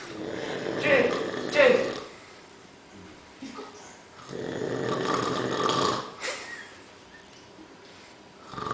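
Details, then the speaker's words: Man nearly 60 years old snoring loudly while asleep on a living-room sofa. "he's coming up for 60 years old his snoring is shocking and who snores like that he's here in my living room check it out on my sofa"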